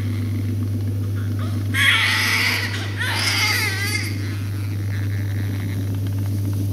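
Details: Two short, high-pitched distress cries from a small baby over a steady low machine hum, during suctioning of the infant.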